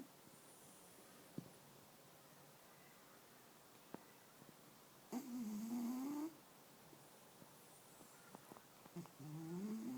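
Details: Black-and-white cat sleeping and snoring: a couple of soft, rasping snore-like breath sounds in a quiet room; ordinary snoring.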